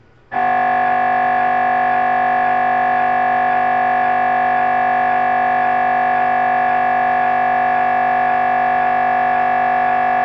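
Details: MRI scanner during a brain scan: loud, steady electronic buzzing drone with a fast pulsing beat.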